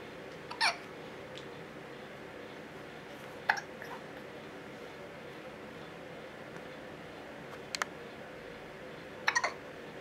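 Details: Infant boy with ordinary hiccups, recorded on a Canon HF M506 camcorder: four brief, sharp hiccup sounds a few seconds apart over a steady background hum.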